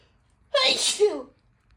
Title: Sry just can’t help it.🤧 #cute #cutecat #cold #sneeze #pets #cat #funny #funnycats #cats